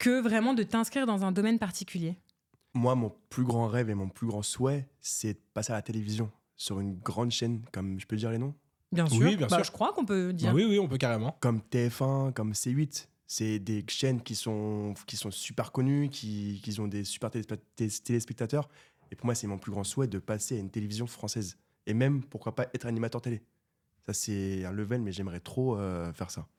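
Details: Stuttering in a 24-year-old man who has stuttered since birth; it was severe in childhood and treated with speech therapy, and it is now mild, mainly under stress and not when doing magic, with little stuttering noted in this episode.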